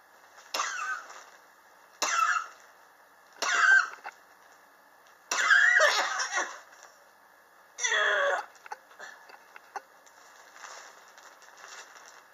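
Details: Chronic cough ongoing since summer 2016, still present in 2019: five separate harsh cough bursts over about twelve seconds in a quiet room.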